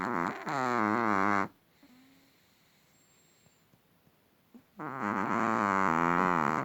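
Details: Small long-haired Chihuahua, sleeping quietly, suddenly snores explosively; vet reportedly found nothing wrong. Two loud, rattling, vibrating breath sounds with a quiet pause between; snoring.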